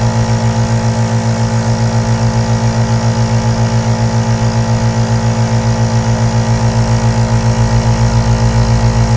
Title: ASMR AEROSOL NEBULIZER SOUNDS 💦 BEST 3D WHITE NOISE for Relaxation | Sleep | Meditation